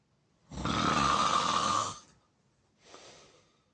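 One long, loud, rough snore on breathing in, then a softer second breath; harsh rattling snoring.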